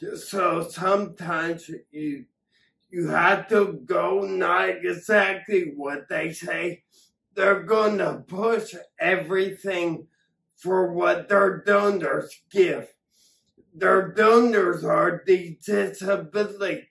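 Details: Ataxic dysarthria in an adult man with acquired ataxia after several strokes that damaged his cerebellum, affecting coordination, balance and speech.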